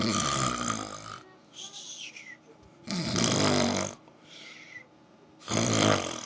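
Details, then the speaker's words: Aiko snoring: loud, harsh snores on each breath with quieter whistling sounds between them; ordinary snoring. "I'm sorry you're snoring."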